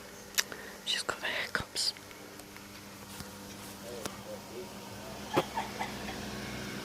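Sharp, brief catches at irregular intervals, with soft whispery sounds between them, fitting hiccups. Room noise is in the background.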